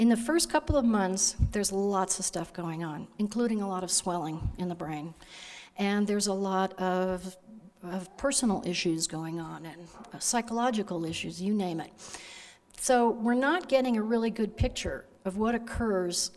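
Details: Adult woman speaking; normal speech.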